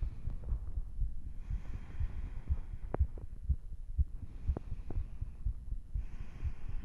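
Strong, fast, regular heartbeat of about 120 beats a minute under a low hum, a normal quickened rate after vigorous exercise.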